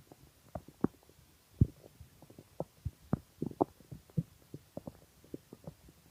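Irregular bubbling gurgles and short squeaks from the belly; hunger stomach growling, a normal bowel sound.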